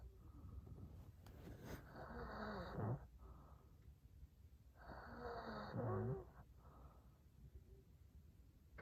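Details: Adult man snoring at night during sleep: two long, rough, rattling snores on breathing in, with quieter breathing between them.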